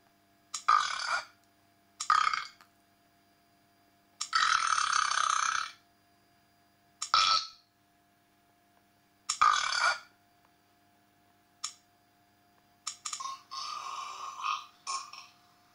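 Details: A series of recorded burps played one after another from a free Android burping soundboard app, with brief gaps between them.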